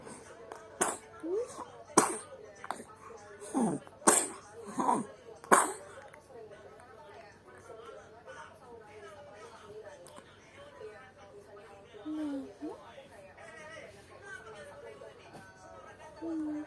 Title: Kasihan bayi ini sedang batuk gaes 7 Februari 2025